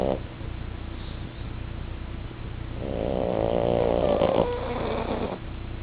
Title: pug and frenchbull snoring